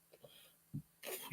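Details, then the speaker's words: Adult with asthma who uses several inhalers, including a blue reliever, coughing in a quiet room: a soft low throat sound, then a short, harsh cough burst. "and as you can hear on coughing now that's just a"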